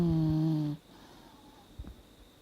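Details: 17-year-old Dachshund snoring in deep sleep, snoring more since old age: one low droning snore under a second, then quiet breathing and a faint snuffle.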